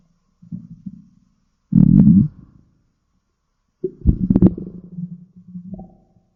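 Low gurgling, rumbling bursts separated by silence; ordinary stomach growling from gut movement.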